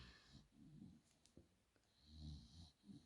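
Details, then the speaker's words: Low rumbling snores in slow breath cycles from a sleeping dog, heard behind a woman talking in a quiet room. "I'm going to talk up so you can hear me past Nina snoring."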